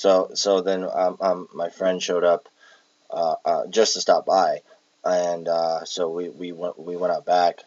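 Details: Palilalia (repetition of own words and syllables) in an adult with Tourette syndrome with echolalia and palilalia traits, recorded while exhausted.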